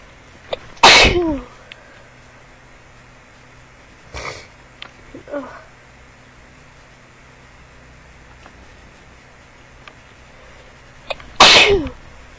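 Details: Two sharp, explosive sneezes about ten seconds apart from a person who started sneezing unexpectedly while trying to talk at the start of a vlog, with light room noise between; repeated sneezing.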